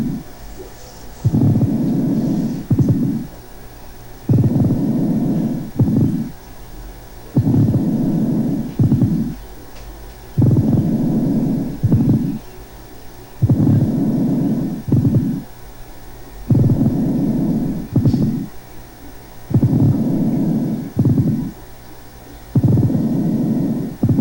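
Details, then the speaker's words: Patient with tuberculous pleuritis: a rough, grating, rasping rub recurs with each breath in both inspiration and expiration, like two irregular surfaces rubbing together. Pleural friction rub. "escuchen ustedes el frote el roce rasposo como si dos superficies irregulares rozaron entre sí en un momento dado tanto en la inspiración como en la espiración"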